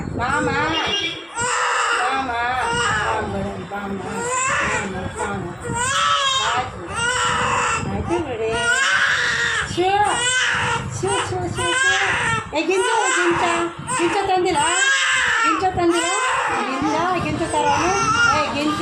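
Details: Two-month-old baby girl during ear piercing: loud, high-pitched screaming cries in repeated bursts while adults chant religious verses and soothe nearby; infant acute pain cry.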